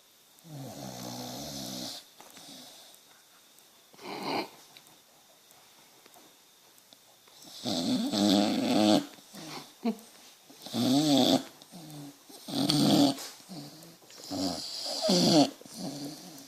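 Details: Sleeping boxer dog snoring in loud, rattling, wavering bursts at an irregular pace in a quiet room; sleep apnea questioned.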